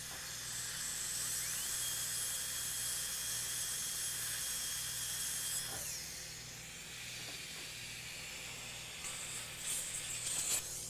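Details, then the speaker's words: A high steady whine of a dental handpiece with hiss, its pitch shifting as it loads and stops, as a non-end-cutting side-cutting bur smooths access during a live root canal treatment on tooth #14. "this is not an in cutting berth but it will side cut you can smooth with it really nicely"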